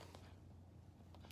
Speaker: basically want to set this thing about 10 liters just enough so you can hear it bubbling pretty good